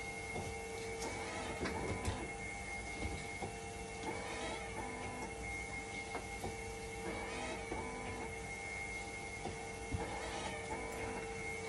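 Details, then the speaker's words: Hemodialysis machine under test for a failing 5-volt level detector, waiting for conductivity and temperature to stabilize, conductivity slow to drop: constant electronic hum, steady tone, rhythmic pump pulses and scattered clicks. "Papatakboy muna natin ito ng dialysis. So, ngayon, itetest ko."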